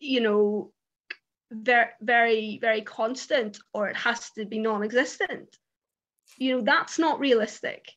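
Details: Real stuttering in an adult woman who stammers; she says her stammer comes out particularly when interviewing on camera.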